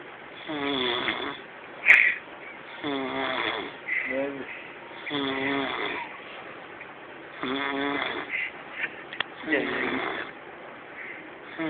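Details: Regular, loud, buzzing, honking snores about every two seconds, each with strong rattling vibration, from a person; snoring.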